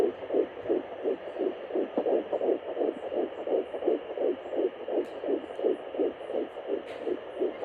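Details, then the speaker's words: Fetal heartbeat at 10 weeks 1 day of pregnancy on an at-home fetal Doppler: fast, regular whooshing pulses at about 170 a minute. Displayed numbers fluctuated and are called unreliable. "so there you have it my baby's heartbeat or heart rate at 10 weeks and one day pregnant"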